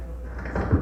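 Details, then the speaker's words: A brief, low creaking grind like a rubbing hinge as the knee moves: knee crepitus in degenerative knee osteoarthritis, meaning the cartilage is wearing away. "소리일까요 이게 무릎 소리예요 무릎에서 이렇게 할 때 아까 연골 칠칠한 거 기억나세요 그런 분 무릎을 움직이면 이런 소리가나요"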